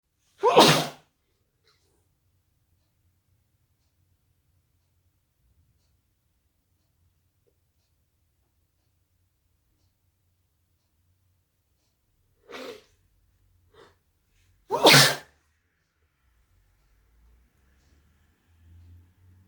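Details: Induced sneezing fit into a tissue: three sharp, explosive sneezes with long quiet gaps between them.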